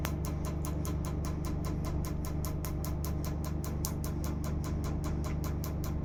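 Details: Laser tattoo removal in a live session: rapid, steady clicking pulses over a loud low hum as the laser device fires on the skin.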